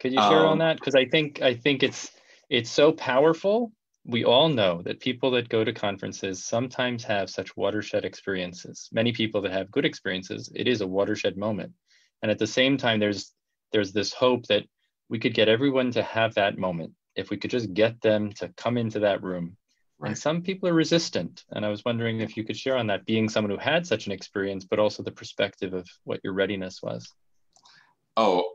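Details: Adult male speaker; normal speech.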